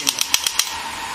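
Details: GINHA HL1602 portable shockwave therapy device, handpiece applied with gel over a body pain point: five sharp, rapid clicking pulses over steady background hiss as the handpiece fires treatment pulses.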